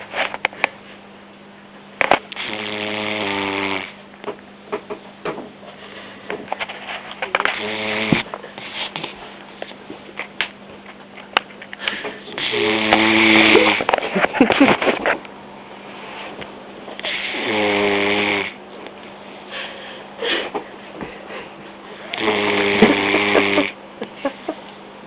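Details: Puppy Vizsla sleeping, giving five squeaky, tonal snores about every five seconds over a steady room hum; snoring.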